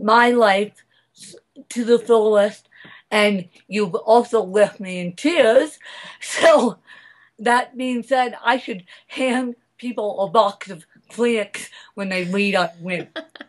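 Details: Adult woman speaking; mild dysarthria (cerebral palsy).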